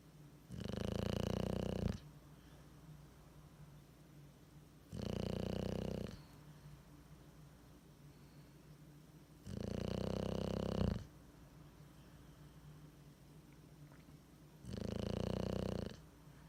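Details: Sleeping bulldog with tongue hanging out gives loud, steady rumbling snores every four to five seconds, about 13 breaths a minute; snoring.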